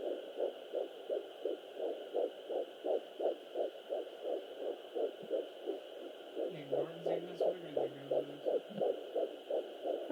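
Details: Fetal heartbeat on a Sonoline B fetal Doppler at 11 weeks 4 days of pregnancy, rapid regular whooshing at about 170 beats a minute with a steady background hum; the listener calls the rate very high.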